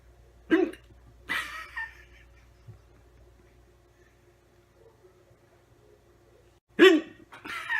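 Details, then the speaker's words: Man with a two-minute bout of hiccups that he finds funny: three abrupt, short hiccup sounds with long quiet gaps between them; hiccups. "let's see how long it takes I have the hiccups it's pretty funny"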